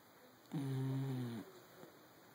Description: Dachshund Mario snores when he sleeps :)